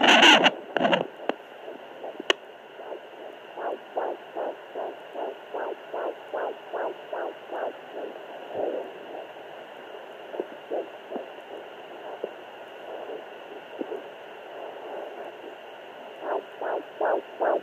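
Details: Fetal heartbeat on a home heart Doppler at 12–13 weeks of pregnancy, mother semi-reclined: rapid rhythmic whooshing pulses around 150 a minute with static hiss; she says it is a little slow as the baby is not moving.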